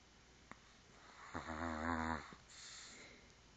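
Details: One low, vibrating, rattly snore lasting about a second on the in-breath, with a faint snort after, from a sleeping Chihuahua dreaming with eyes open; snoring.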